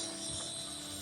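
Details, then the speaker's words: Steady mechanical whir of an automatic blood pressure cuff inflating during an ambulance call, on a breathless, panicked patient with heart failure who is sitting upright and getting salbutamol. "Is it all right if I just do your blood pressure as well? Just going to go tight."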